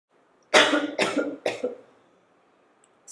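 Three short harsh cough bursts from an adult in a quiet room, acted.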